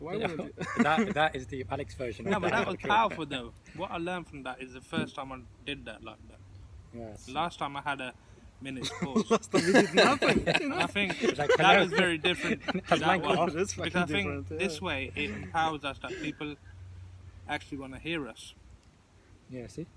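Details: Adult who stutters, taking part in a stuttering support group discussion; stuttering.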